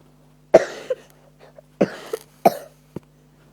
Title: shoutout [ignore me coughfinig I have a bad cough]